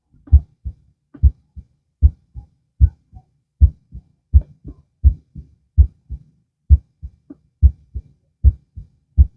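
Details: Heart auscultation lying down, about two minutes at each listening spot; normal heart sounds.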